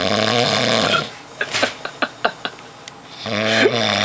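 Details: Adult man in deep sleep, unresponsive to prodding, snoring heavily: loud buzzing snore on breathing in, a pause with soft clicks and smacks, then another snore. Snoring.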